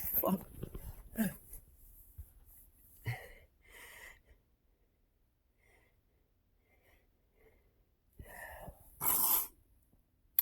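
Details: Several sharp sneezes mixed with gasps and breathy noises, ending in a final loud sneeze, set off by tickling the nose with a feather and a finger under the nose.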